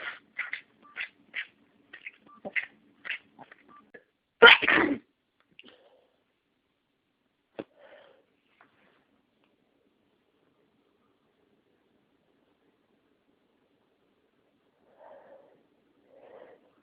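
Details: Person with a cold and sinus congestion, sneeze deliberately triggered by inhaling an allergen after 30 minutes of itching: a run of short catchy breaths builds to one loud, explosive sneeze, then quiet sniffles.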